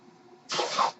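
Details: A podcast host's own mechanical ventilator heard in the background, giving a mechanical ventilator breath cycle.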